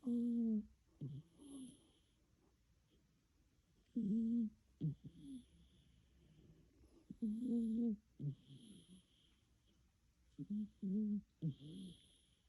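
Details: Sleeping cat snoring at night: soft, rhythmic snores, about 17 a minute, each a short voiced rasp with quiet gaps between.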